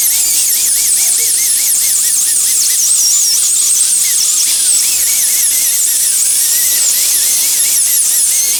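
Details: Steady high-pitched dental handpiece whine, pitch wavering on contact: a blue football-shaped bur polishing down the cusps of a temporary crown so the patient, possibly still numb, keeps bite occlusion.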